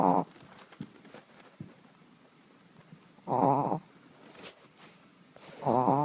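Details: Yorkie dog snoring while asleep: three loud, rough, rattling snores about every 2.7 seconds in a quiet room, with soft breathing between them.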